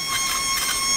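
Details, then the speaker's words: Steady high-pitched whine of a high-speed drill changing tone as it cuts bone to reach the spinal canal and disc during a two-level MIS TLIF in a 77-year-old man with low back pain and neurogenic claudication. "And I got to get to the spinal canal and by the nerves. And I'm using this dental drill"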